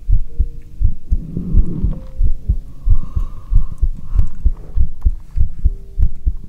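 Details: Normal heartbeat heard through a stethoscope in an ASMR livestream: regular low thumps at about 95 beats a minute with faint humming and handling noise.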